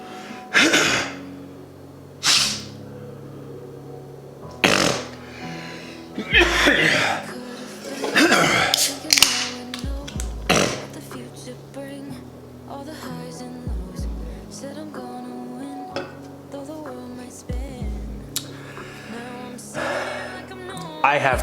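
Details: Repeated short bursts of sniffing, snorting and grunting at irregular intervals from a person with Tourette syndrome: simple vocal tics.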